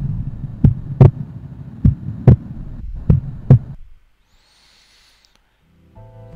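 Slow, regular heart sounds, about 50 a minute, with a split second sound; a short burst of music follows.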